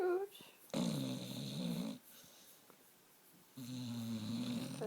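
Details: Two long, rough, buzzing snores with a quiet pause between them from a female pit bull sleeping on a couch. The owner says her snoring gets worse as she sleeps.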